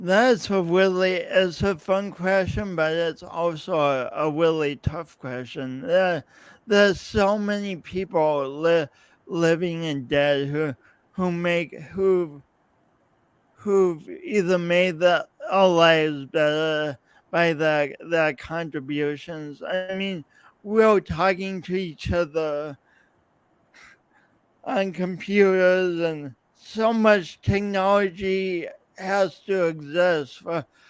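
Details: Lifelong speech impediment with coordination differences in an adult podcast host speaking about his own condition; real speech with disfluency.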